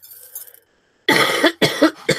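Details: Dry cough from an adult on the first day of feeling better after an illness who still has a runny nose and thinks the cough comes from the nose running so much.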